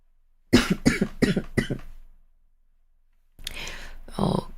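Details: A run of four sharp coughs, then a pause and a breathy throat noise from a girl; repeated coughing.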